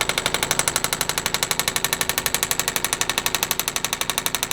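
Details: Radial shockwave therapy device applied to the other, less painful shoulder for shoulder pain, pressure raised from about 3–4/10 toward 6/10, working around the bones: rapid, very regular tapping pulses at about four per second.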